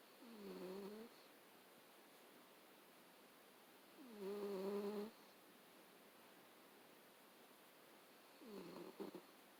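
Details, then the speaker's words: Sleeping cat snoring: three tonal, rumbling breaths, about 14 a minute, sounding much like a human snore. "Oh my god. This cat sounds like a person snoring."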